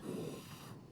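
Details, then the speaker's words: Normal breath sounds heard through a stethoscope on a human-patient simulator manikin, a soft, low whooshing airflow, with breathing produced by an operator in the control room. "if you listen here you'll be able to hear his breathing like you can really hear it yeah"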